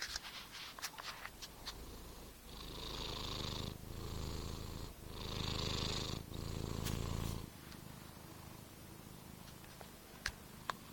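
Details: Cat sleeping beside its owner, snoring: soft, rough rumbling in four steady waves about a second long, rising and falling with each breath, close to purring in sound.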